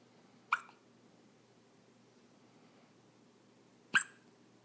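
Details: Two brief, sharp hiccups about three and a half seconds apart in a quiet room from a 4-day-old newborn girl. Hiccups.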